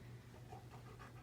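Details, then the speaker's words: Dog panting during a veterinary physical exam, roughly one breath per second (about 60 breaths per minute), normal for a nervous dog; temperature 101.1 normal, heart rate 90 bpm, heart sounds normal. "so he's panting um but it was approximately breath per second so that would be a respiratory rate of 60 BPM or 60 breaths per minute"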